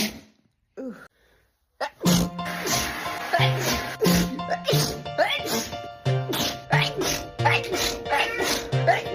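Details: Sneeze compilation: a string of repeated sneezes edited together over loud background music.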